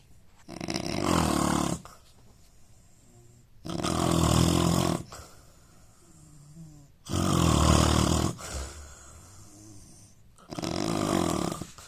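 Loud, harsh rattling snores on each breath in, about every three and a half seconds (roughly 17 a minute), with quiet breathing out between.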